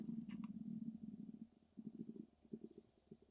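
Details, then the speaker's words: Adult notes their hungry stomach is gurgling: low bubbling gurgles in a long continuous stretch, then shorter irregular bursts, ordinary hunger borborygmi in a quiet room. "sais pas si vous entendez j'ai j'ai mon ventre qui gargouille j'ai faim"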